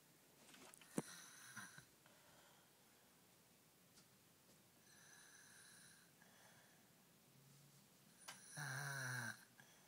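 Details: A sleeping baby snoring: soft, rough breathing noises with snorting inhalations, loudest near the end, while the baby's sister laughs.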